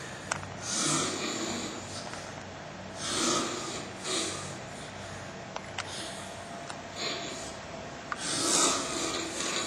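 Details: Hissy, rasping breath noises recurring through sleep: a light, airy snore with little low rumble.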